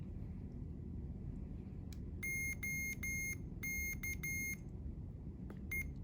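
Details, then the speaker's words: CADD Legacy Plus infusion pump powering on after the on-off button is held for 3 to 5 seconds: a series of short, high electronic beeps (three expected) as the pump cycles through its self-tests. "We're first gonna turn on the pump by holding the on-off button for 3 to 5 seconds. You'll hear 3 beeps."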